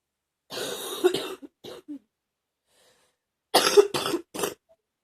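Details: Adult wet productive cough: two clusters of deep, rough, loose and rattly chesty coughs, severe enough that the person nearly vomited by the end.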